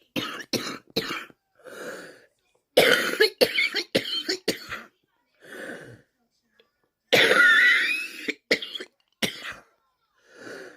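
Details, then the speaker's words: Rapid run of harsh, forceful coughs in close bursts, a coughing fit with a simultaneous sneeze; the person says they can't breathe. "Let's go through a coffin fit and sneeze at the same time. I can't breathe."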